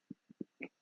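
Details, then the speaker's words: Adult talking, then four brief, low, muffled throat pulses in under a second: a suppressed belch held back with the mouth closed. "Can you guys hear me when I burp like that? I'm sure you can. I like burp, but I don't let it out, and I'm sure you can hear it, but I just feel like it's less embarrassing than just regular burping."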